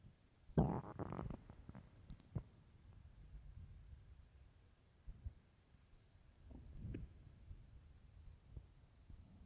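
Low gurgling rumbles, one louder at the start and fainter ones later, normal stomach growling on an empty stomach.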